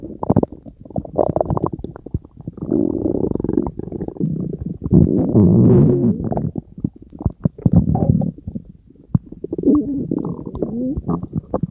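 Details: Loud, gurgling, rumbling bowel sounds with bubbling and squeaky tones in irregular runs; ordinary stomach growling (borborygmi).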